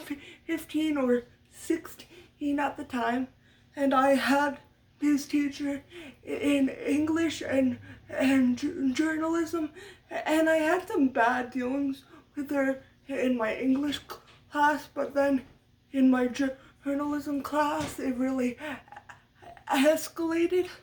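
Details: Stuttering in an adult woman, part of muscle tightness from cerebral palsy (brain damage as a baby); lifelong, speech therapy from a young age through high school, uses techniques to minimize it.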